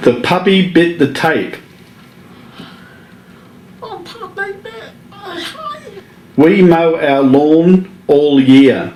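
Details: Patient from Australia with whispering dystonia, a genetic disorder first published in 2013; fair amount of dysarthria noted; whispering dysphonia (DYT4 dystonia).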